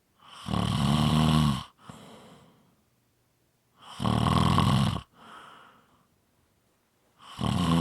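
Loud rattling snores on each breath in, with softer breath out, about 17 breaths a minute; regular snoring.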